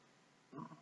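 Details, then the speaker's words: A single brief, low snorting grunt after quiet room noise: an animal snoring in the background. "you can hear any noise right now it cooks painful snoring I can't do much about that except don't ever work with animals or children"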